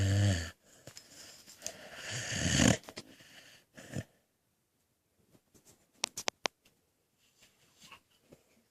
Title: My dog penny snoring